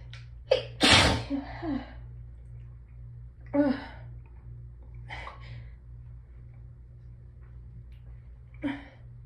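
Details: Hay fever sneezing in someone who had felt it building all day, with nose raw from rubbing: several hitchy sneezes, one loud and forceful, with catching breaths between them in a quiet room.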